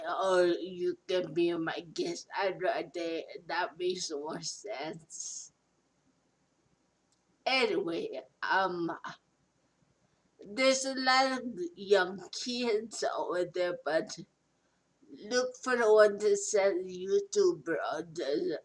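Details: Adult woman speaking; post-stroke speech impairment.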